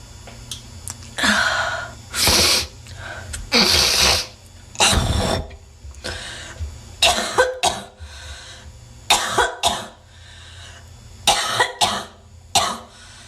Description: Lots of hocking snot and congested wet coughing. My bet is on her being a smoker as well.